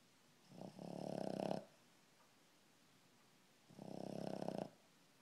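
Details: Snoring during sleep: two long, rattling, buzzing breaths about three seconds apart, with quiet pauses between them.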